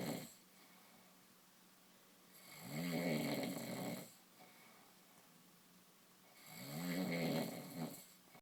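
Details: Adult sleeping at night, snoring: loud rattling snores on each inhalation, about 15 a minute, with quiet pauses between.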